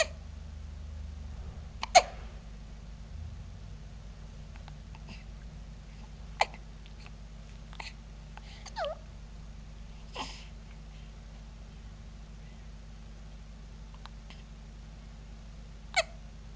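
Brief, abrupt catching sounds, about four clear ones, irregularly spaced over quiet room hum: hiccups.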